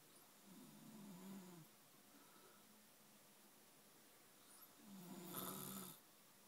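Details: Adult snoring beside a bed partner: two soft, low, buzzing breaths about four seconds apart against a noisy background; quiet snoring.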